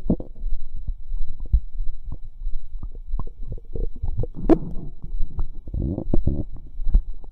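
Frequent low bubbling, gurgling and squelching pops from the belly; ordinary active bowel sounds.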